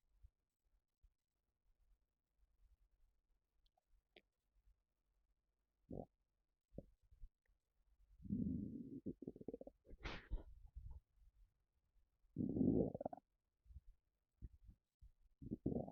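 Quiet room with scattered gurgles and two longer rumbling bursts; ordinary bowel sounds, a normal finding.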